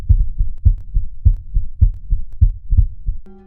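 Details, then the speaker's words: Steady, regular lub-dub heartbeat with paired low thumps and nothing extra heard between them: normal heart sounds, with no murmur. "यह आवाज तो आपने कभी ना कभी जरूर सुनी है।"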